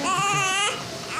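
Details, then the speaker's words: Newborn baby girl crying just after birth: a strong, high-pitched cry that breaks off into softer sounds. A normal, vigorous newborn cry. "The cries of a newborn baby girl. Roger sees her first."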